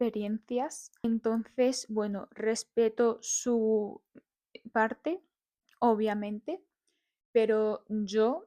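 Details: Adult woman living with stuttering (disfemia), speaking live in a radio interview; stuttering.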